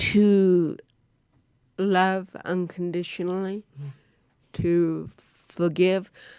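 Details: Real-life speech from a woman, an actress, who has cerebral palsy; dysarthria (cerebral palsy).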